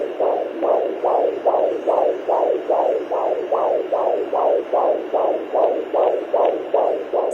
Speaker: lovely to think that even in a pandemic, there's new life growing.